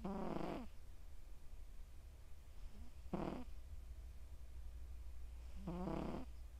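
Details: Three loud, buzzy snores, roughly every two to three seconds, from a sleeping male Scottish Straight cat born July 2020, over a steady low background hum.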